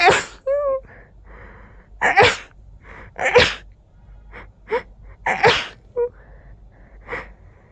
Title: Powerful sneezing fit! 🤧